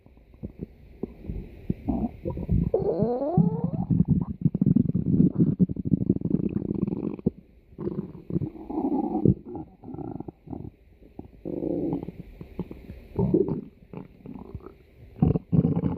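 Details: Long, loud, low growling and gurgling runs from a pet's belly with brief pauses; normal stomach growling (borborygmi).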